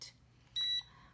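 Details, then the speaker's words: CADD Prizm PCA infusion pump demonstration: single short high beep when the battery is inserted correctly, before the pump runs its initial setup process. "slide the door down and once I've done that my pump will go through its initial setup process it takes it a few minutes to go through all the settings that have been put into the pump to make sure that it is ready for you"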